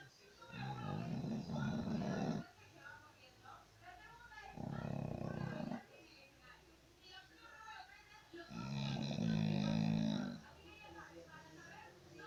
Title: Roncando